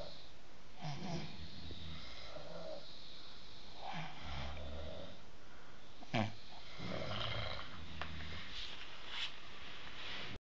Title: Snores on all sides